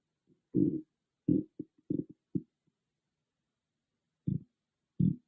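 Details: Stomach growling recorded with an iPhone, no dedicated microphone: loud low gurgling rumbles in several irregular bursts with quiet gaps; ordinary bowel sounds (borborygmi).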